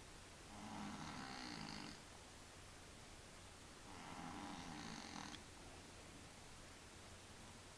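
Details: Sleeping cat snoring: two slow, buzzy breathing sounds, a snore on each breath, over steady background hum.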